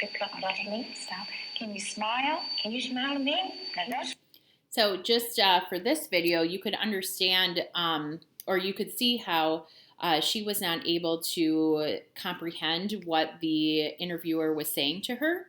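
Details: Adult woman speaking; normal speech.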